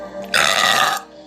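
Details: A girl's single loud, drawn-out burp lasting under a second, from a burp compilation; ordinary belch (eructation).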